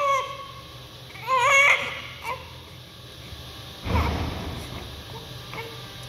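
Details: A newborn's first cry after birth: short, high-pitched cries and whimpers amid room noise and a loud rustle; ordinary crying of a newborn.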